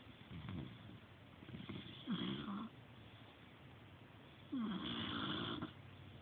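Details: Snoring in an old male pet sleeping in his feather ball bed: two rough snoring breaths about 2.5 seconds apart over steady room noise.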